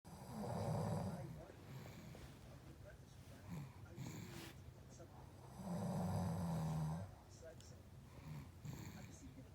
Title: Synchronized Snoring